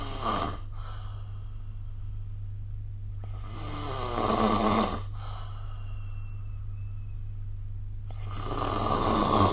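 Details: Snoring recorded with the SnoreLab app: rough, rattling snores during sleep, about one every four seconds, over a steady low background hum.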